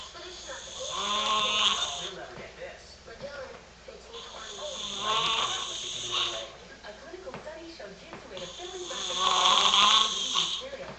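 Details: Heavy snoring in a man (a dad): loud, rattling snores on each in-breath, three cycles roughly four seconds apart, about 15 breaths a minute.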